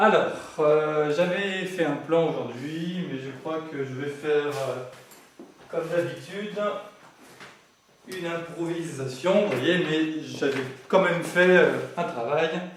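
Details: Adult male who has lived with stuttering for 20 to 40 years since growing up and says he is now managing to speak through it; stuttering.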